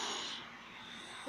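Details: Nephews snoring while asleep at night.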